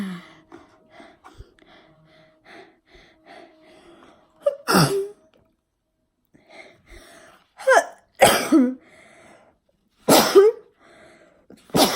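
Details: Deliberately forced sneezes: several loud, explosive bursts after short breaths in, with quiet gaps between.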